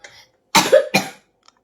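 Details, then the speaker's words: Child with breathing difficulty since yesterday, coughing continuously and kept home from school, gives a brief breath then two harsh, forceful coughs; the coughing fit made the child vomit while eating. "এ কাশি মানে কি বিশাল কাশি সব বমি করে দিল"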